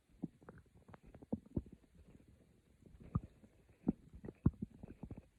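Quiet, irregular gurgles and low rumbles from the stomach, with brief squeaky bubbling bursts; ordinary stomach growling.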